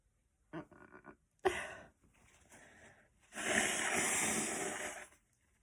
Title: Girl sneezing a lot